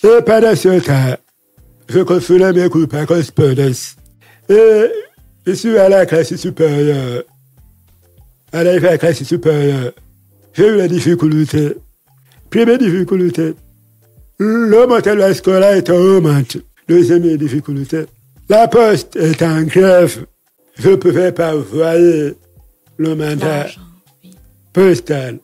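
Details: Adult man, deaf since childhood after an illness that caused his hearing loss, lip-reads, speaking French; deaf speech.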